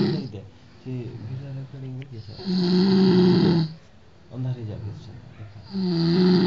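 Loud, rough, droning snores on the in-breath, alternating with softer fluttering out-breaths: heavy snoring in sleep.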